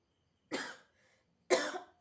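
Two short, sharp coughs about a second apart in a quiet room.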